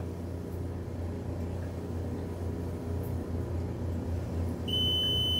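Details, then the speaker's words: An oxygen concentrator on a balcony with its tubing removed starts beeping after about four to five minutes of running, after which it cannot be used; oxygen concentrator alarm. "Normalmente quando chega próximo do 5 minutos o negócio apita e aí já era não dá para usar"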